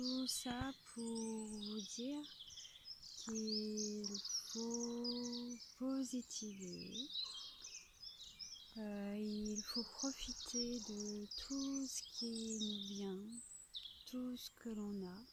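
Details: Adult French-speaking woman with a stutter (bégaiement), using a technique taught by a speech therapist, who finds talking while walking still hard; stuttering.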